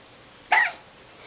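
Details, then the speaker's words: A single short, sharp gulping hiccup from a mellow awake baby girl lying in a quiet room; infant hiccup. "she has the hiccups so we're we're just recording her hiccups so that you can hear them and kind of see what she's like"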